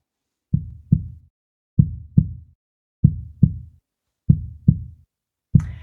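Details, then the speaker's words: Regular normal heartbeat: steady, evenly spaced lub-dub pairs at about 48 beats per minute, played as an example of a regular rhythm before an irregular one. "For example, let's take a regular heartbeat."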